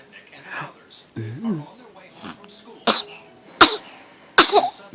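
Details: After some soft vocal sounds, three short, sharp sneezes in a row, followed by "bless you".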